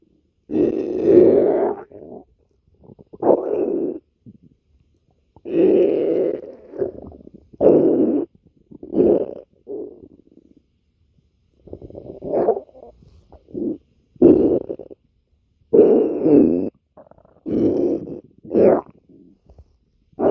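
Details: Adult woman's stomach growling: irregular low gurgling rumbles, the sound of gas and fluid moving through the gut (borborygmi).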